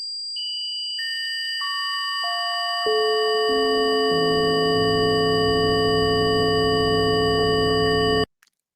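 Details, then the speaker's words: Simulated tinnitus: steady, piercing high-pitched tones stacked into a sustained ringing chord, played to illustrate the constant ringing heard with tinnitus. "When you keep on hearing sounds like this piercing sound, that's called tinnitus. That's what actually having tinnitus is like, and it does not calm your brain."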